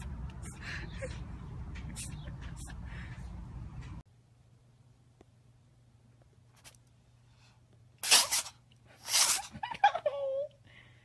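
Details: Cat sneezes: after room noise, two sharp, explosive sneezes and then a brief high squeaky sound.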